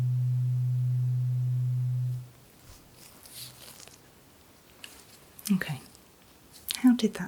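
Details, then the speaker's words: Steady low pure hum of a struck tuning fork, held next to each ear to compare hearing, fading after two seconds then quiet room sounds, during a simulated ASMR neurological exam. "next we're going to use a tuning fork and just place it next to each ear to begin with and then place it on top of your head to see how the sound travels down to those ears"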